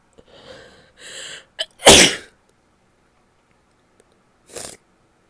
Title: messy sneezes, a stifle or two, nose blowing and some coughing at the end